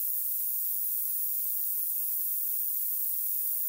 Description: An audiometric indispensable tool to determine your tinnitus frequency.